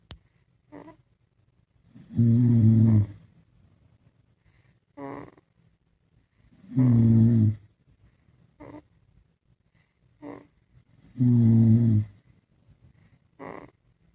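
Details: Dad and baby snoring together while asleep: loud rhythmic snores about every 4.5 seconds with softer short snuffles between, quiet room; ordinary sleep snoring.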